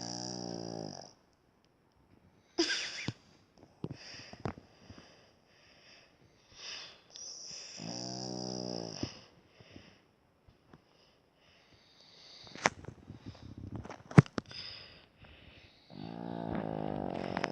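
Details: Sleeping baby snoring: three slow, rumbling snores about every seven seconds, with quiet breaths and clicks between them; infant snoring.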